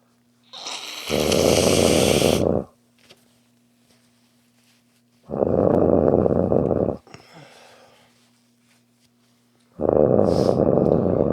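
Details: Loud, rattling snores from a sleeping dog, repeating about every four and a half seconds.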